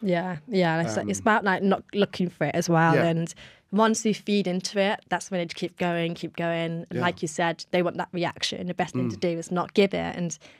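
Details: Adult woman; Normal conversational speech.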